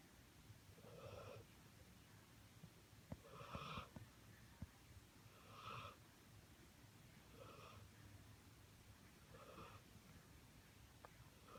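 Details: Soft, regular snoring breaths, about six in eleven seconds (roughly 30 a minute), over a low room hum.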